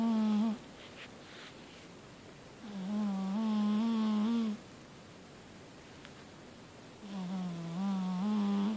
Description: Persian cat snoring